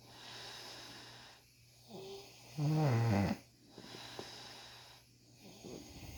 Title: Tough Ingrown Hairs in Beard..He Was Snoring Loud!!!